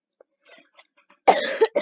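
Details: A single harsh cough burst with a brief follow-up after faint breaths.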